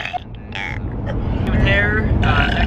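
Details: Compilation of deep relief burps: a long, deep, low rumbling belch over steady background noise; burping.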